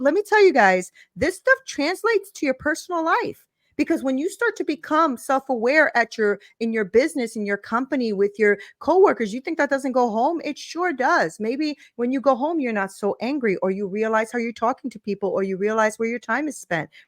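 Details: Adult woman; normal speech.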